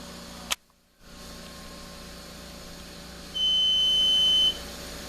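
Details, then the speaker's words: CareFusion AVEA ventilator alarm on power-up during a teaching setup: a short click, then a steady high-pitched alarm tone for about a second over a constant machine hum, before the alarm is silenced. "we're going to turn it on and it automatically goes [Music] into the alarm and load [Music] up okay we have a little alarm going off so let's silence that"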